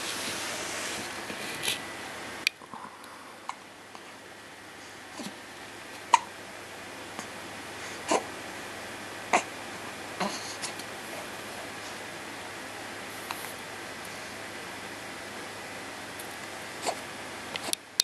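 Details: 10-day-old baby: soft, brief, sharp catches repeating irregularly about every one to two seconds over quiet room hiss; infant hiccups.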